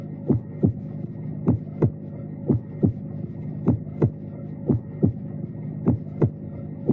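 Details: Regular paired lub-dub at about 52 beats per minute over a steady low hum; lub is AV valve closure in systole, dub semilunar valve closure at the start of diastole; normal S1 and S2.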